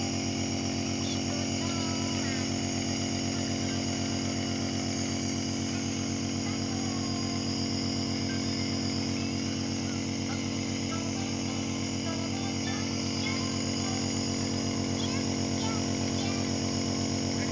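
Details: Steady loud mechanical hum with fast even buzz from a nebulizer compressor running during nebulizer therapy for a toddler with cough and cold.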